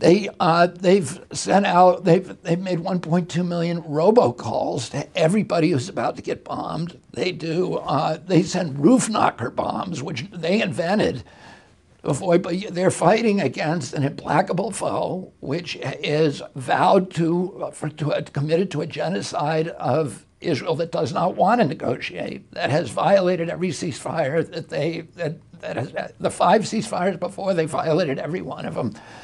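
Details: Adult male with spasmodic dysphonia, which he says began at age 42 in 1996 after a neurological injury. He attributes it to his brain sending wrong signals to his vocal cords, not to the cords themselves. Real interview speech.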